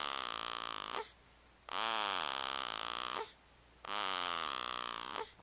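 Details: Nasal snoring during sleep, recorded on a Flip Video camera: three long, high-pitched, whistling snoring breaths with quiet gaps, about 29 breaths a minute.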